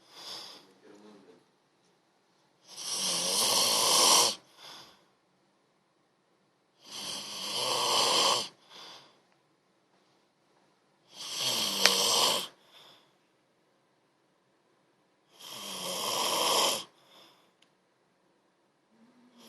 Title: Snoring army style